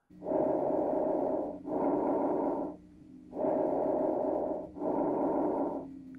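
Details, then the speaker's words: Normal bronchovesicular breath sounds auscultated over the major bronchi during a respiratory assessment, patient breathing normally: two cycles of moderate-pitched airflow with near-equal inspiration and expiration. "which are moderate in pitch and heard over the major broni where fewer alvioli are located"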